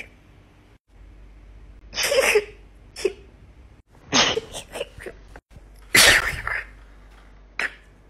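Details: Several sharp, explosive sneezes in rapid succession from a female, over faint room noise; rapid repeated sneezing.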